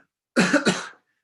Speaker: sorry i had a little illness go through my family this week and i've caught it a little bit my voice is you can probably hear my voice is uh not keeping up with me here this hour